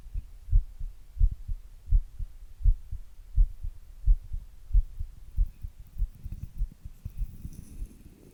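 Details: Own heart recorded with an earbud mic and a glass; regular, steady low lub-dub thumps at about 86 beats per minute, some rustling toward the end; normal resting heart sounds.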